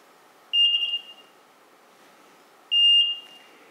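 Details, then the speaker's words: Veterinary anesthesia machine with a circuit pressure alarm fitted in series with the fresh gas outlet: two sharp high-pitched beeps as pressure reaches about 15 cm while bagging the patient, warning of high airway pressure. "patient circuit pressure alarms are designed to sound at approximately 15 cm of pressure when you're bagging your patient this allows you to bag your patient in a more safe"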